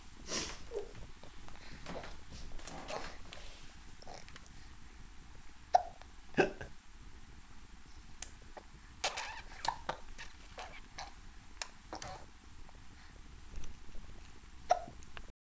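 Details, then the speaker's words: An infant girl hiccuping after laughing while her grandpa played with her: several short, sharp hiccups at irregular intervals against quiet room noise. "oh you got the hiccups Grandpa gave you the hiccups"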